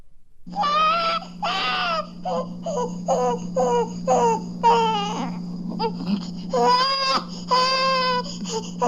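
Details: A hungry young infant cries normally, from a 1967 recording of baby sounds.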